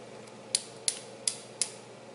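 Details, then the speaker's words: Four sharp, evenly spaced mechanical clicks as a woman undergoing IVF turns the dose dial on a Gonal-F injection pen, raising her dose from 300 to 375, before self-injecting. "After my doctor's appointment on Monday, they called me and said I need to up my dosage from 300 milligrams to 375 milligrams. So that is what I'm turning this dial to."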